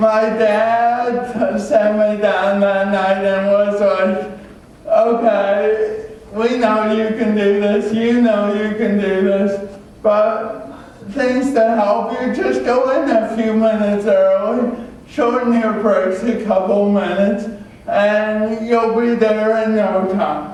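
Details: Adult man with cerebral palsy from oxygen loss at birth (umbilical cord around throat), a type involving muscle stiffness and irregular movements, noticed around age 1, after extensive speech therapy: dysarthria (cerebral palsy).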